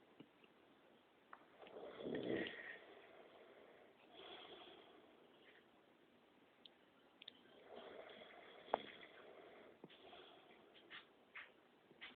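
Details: Person sleeping soundly, with soft, rough snoring breaths every few seconds in a quiet room and faint clicks.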